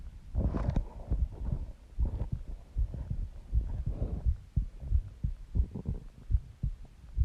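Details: Normal heartbeat, steady deep low thumps, self-recorded from an adult's own chest while lying down and partly sleeping, with soft breathing and rustling noise over it; stomach growling also captured in the recording.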